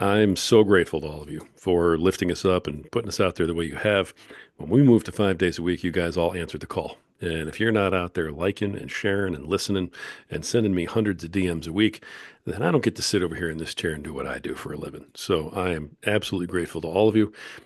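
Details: Adult male speaker; typical speech.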